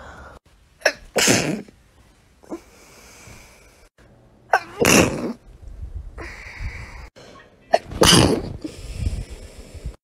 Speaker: every time i sneeze like